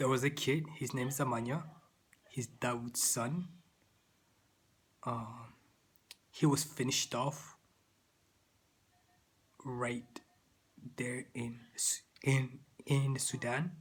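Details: Adult man with stuttering.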